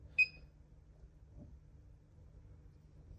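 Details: A single short, high electronic beep from a therapeutic ultrasound unit during setup, before switching to ultrasound mode, then quiet room noise; a normal device tone.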